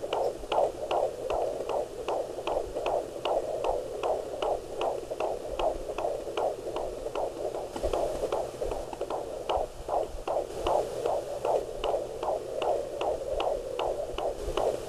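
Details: Fetal heartbeat at 15 weeks of pregnancy on a Doppler monitor: rapid, regular whooshing pulses about 150 a minute, normal.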